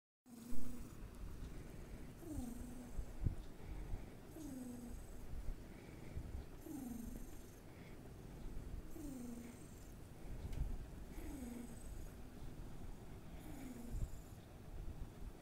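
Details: A sleeping cat snores loudly in a steady rhythm, with a low rattling sound on each breath, about 26 a minute.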